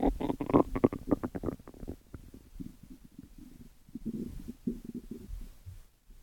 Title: 12 Minutes of stomach growls